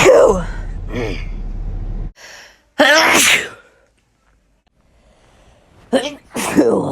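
Several separate loud sneezes from different recordings, each a sharp intake followed by an explosive burst.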